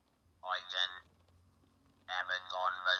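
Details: Electrolarynx speech after laryngectomy, using a handheld vibrating device held against the neck as the sound source, with a robotic sound.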